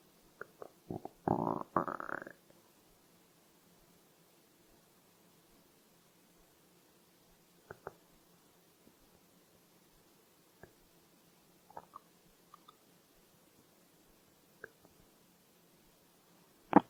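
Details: Stomach growling (borborygmi): a short gurgling rumble, then scattered faint gurgles and pops in quiet; hunger-related bowel sounds.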